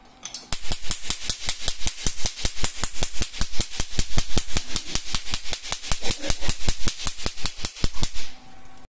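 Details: Portable pico laser tattoo removal machine firing; rapid sharp snapping clicks, several per second.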